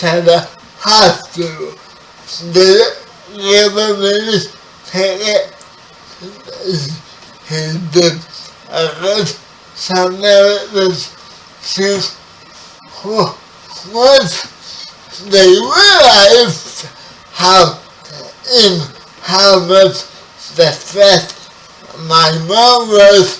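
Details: Dysarthria in a 30-year-old man with spastic quadriplegic cerebral palsy, who was born 11 weeks premature.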